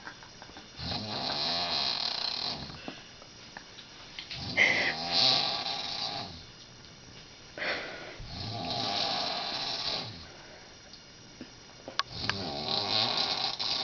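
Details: Woman in her 50s asleep at night, recorded 2006: loud, harsh rattling snores on each in-breath, about four breaths a minute, with quieter pauses between; heavy snoring.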